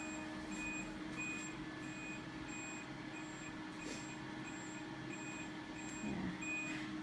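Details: Regular short beeps over a steady hum from a veterinary therapy laser with a rollerball massage tip, during the patient's third session; she previously could not bear weight on her leg and improved after the first; therapeutic laser machine beeping.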